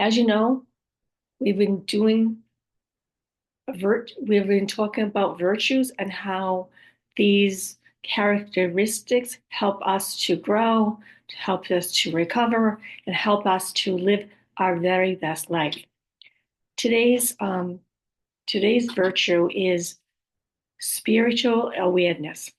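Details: Adult woman after a stroke with aphasia, apraxia of speech, word-finding difficulty and other communication challenges: aphasia with apraxia of speech.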